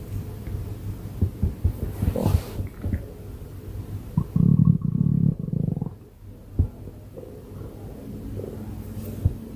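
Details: Ordinary stomach growling recorded for about 6 minutes: deep, drawn-out rumbling over a steady low background hum.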